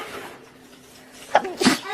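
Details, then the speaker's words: Girl sneezing while cleaning a very dusty room, possibly from dust or allergies. "really oh so dusty um cleaning up better oh my God so dusty"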